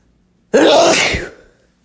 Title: Wet Male Teasing Sneezes